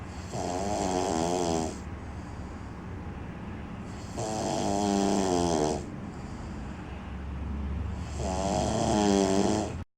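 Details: Man sleeping with loud, rattling snores on each in-breath, about three in ten seconds, quieter breathing between, likened to two chainsaws; snoring.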